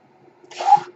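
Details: A podcast host who uses a mechanical ventilator is speaking, and the ventilator's breathing noise is audible during his speech: mechanical ventilator breath sound.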